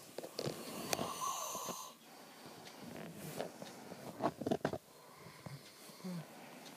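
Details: An adult man's loud, constant snoring that goes on all night: rough, fluttering noisy breaths with irregular rattling bursts during sleep, over quiet room noise.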